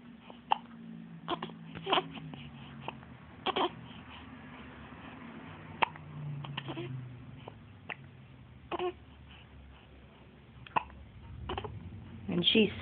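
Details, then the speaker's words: An infant hiccups repeatedly, with sharp brief clicks every second or two between soft cooing and babbling: hiccups. "with the hiccups."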